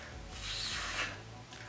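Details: Interdental lisp (interdental distortion) demonstrated by a speech therapist who had a severe lisp as a child: /s/ produced with the tongue between the teeth.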